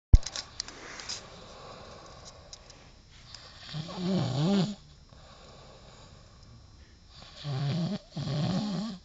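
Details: Person snoring after drinking too much agave liquor: two loud rattling snores on inhalation, separated by quiet pauses, in a quiet room.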